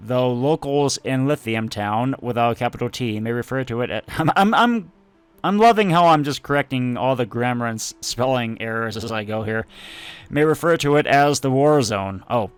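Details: Adult male speaker; stuttering.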